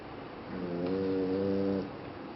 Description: French Bulldog snoring - กรนได้ใจนะ